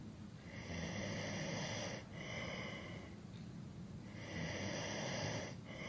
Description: 3 hours of a male snoring to help You sleep better at night.